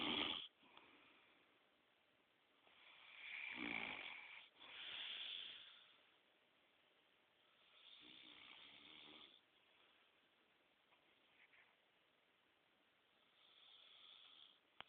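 Soft, hissy snoring breaths at irregular intervals, some faint and airy, against a quiet room.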